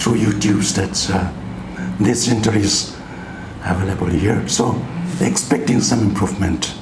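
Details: 59-year-old man, pre-therapy sample, voice changed after thyroidectomy in January 2023; left vocal cord paresis and right vocal cord paralysis with phonatory gap; bilateral vocal cord paralysis.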